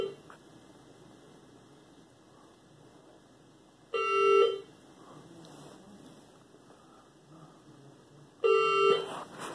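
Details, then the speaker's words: Two loud bedside monitor alarm beep bursts about four seconds apart in a hospital room, in an admitted patient with blood pressure 203/118 (about 247/138 on arrival). "And gonna have to excuse the beeping in the background."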